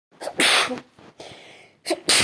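Two sharp explosive sneezes, each with a quick breath in just before, separated by a short pause.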